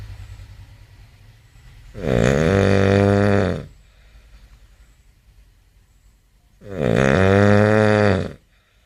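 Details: Two loud, long, rattling snores from a sleeping man, about five seconds apart, with quiet breathing between them; heavy snoring.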